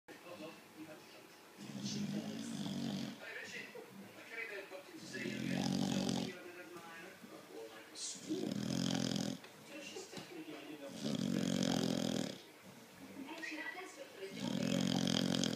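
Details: Bulldog asleep: loud, rattling snores with wheezy breaths out, about one cycle every three seconds, some twelve breaths a minute; snoring in a flat-faced dog.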